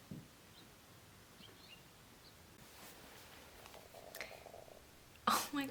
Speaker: did you hear that was my stomach